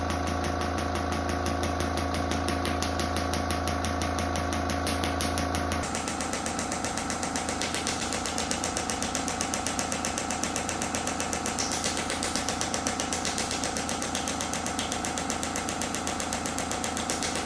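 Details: Shockwave therapy to treatment sites for lower back pain and hip mobility: steady rapid mechanical tapping, about four pulses a second, with a tone change partway through, from the device in operation.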